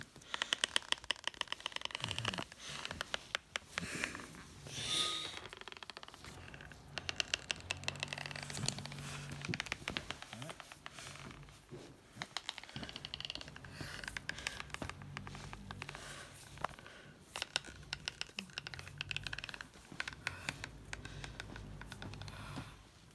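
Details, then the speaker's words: Person with Bohring-Opitz syndrome grinding teeth while awake when nervous or agitated: repeated sharp clicking and grating scratches with low room hum behind; bruxism. "Sometimes I don't stop bruxism. The ordinary person does when sleeping, but when I'm nervous or agitated, I get bruxism."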